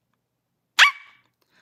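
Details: Barking vocal tic in a woman with Tourette syndrome.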